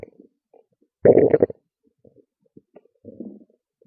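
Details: Loud stomach growls and gurgles: a loud gurgling growl, then small scattered pops and a softer rumble; ordinary borborygmi from gas and fluid moving through the gut.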